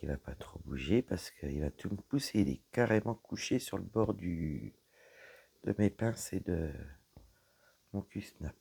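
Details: Woman with dysphonia after a serious health problem damaged her vocal cords; her voice is lower than before, at times weak, and she cannot speak loudly; low-pitched voice.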